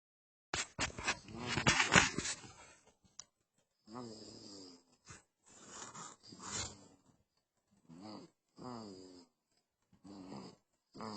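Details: Surprisingly loud snoring in a sleeping 2-month-old baby: rough, rattling snores in irregular bursts with noisy breathing between them.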